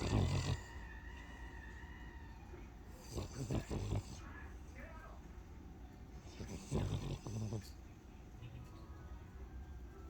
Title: Itty Bitty snoring and dreaming. Baby love.